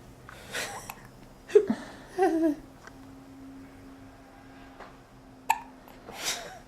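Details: Eight-day-old baby boy who feeds fast, hiccups common after feeding: about five brief, sharp, irregular hiccup sounds in a quiet room; ordinary infant hiccups.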